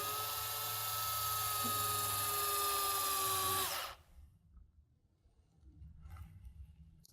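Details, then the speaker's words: EZ-IO powered drill inserting an intraosseous needle on a training model, demonstrating adult cardiac-arrest access: a steady high-pitched motor whine lasting about four seconds, then stopping as the needle gives into the medullary cavity. "being satisfied that there's at least one of those black lines there I'm then going to drill in a smooth fashion until I feel it gives"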